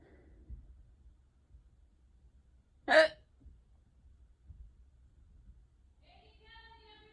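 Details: A person self-records an unusually bad, prolonged hiccup bout in a quiet room: one sharp, abrupt vocal catch from a sudden diaphragm spasm; a hiccup.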